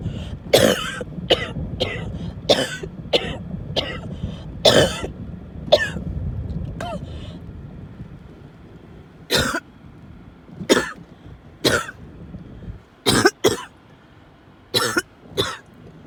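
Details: Coughing fit with wheezing and choking while in a moving car: about fifteen harsh, explosive coughs in close bursts over road noise; a paroxysmal coughing fit.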